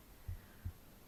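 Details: Heartbeat recorded at the left side of the chest while the person reads aloud for ASMR relaxation: two soft, low thumps in a quiet room; normal heartbeat.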